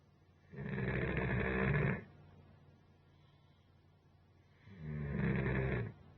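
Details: Basset Hound taking a long nap on a couch, snoring as loud as a human: two loud, deep rattling snores about four seconds apart with quieter breathing between; heavy snoring.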